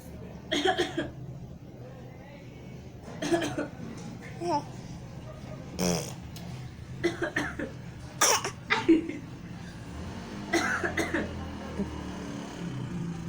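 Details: Child gives a series of short, deliberate, playful coughs with light vocal sounds between them; voluntary cough.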